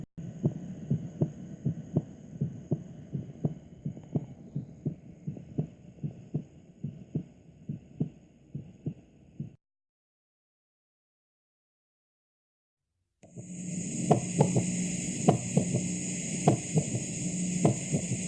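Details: Normal heart sounds, steady lub-dub with normal first and second sounds and no murmur, heard by stethoscope in two stretches during a teaching demonstration of auscultation areas.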